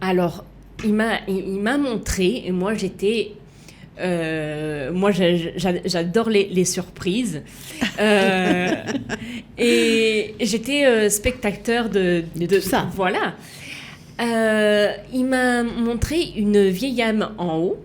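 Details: Woman with aphasia and right-sided hemiplegia after a stroke at age 19; for years could not place her tongue correctly and still struggles today; aphasia.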